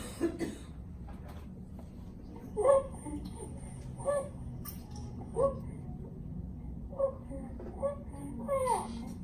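An infant gives six short, squeaky, cough-like noisy breaths over steady low room rumble: tracheomalacia with coughing and respiratory distress during feeding.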